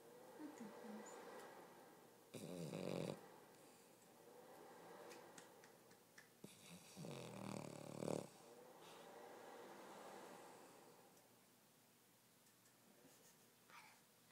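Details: Snoring said to be getting louder: two loud, rough snoring breaths about five seconds apart, with quieter breathing between them in a small room; sleeper's species not stated.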